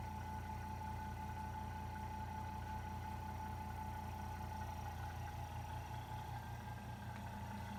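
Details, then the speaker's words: A suction pump runs with a steady low motor hum and faint whine, set to 80–120 psi, during a demonstration of tracheostomy suctioning and care. "turn on your pump and make sure the hose is nearby for your clamping and ensure that the pressure on the pump is between 80 and 120 psi"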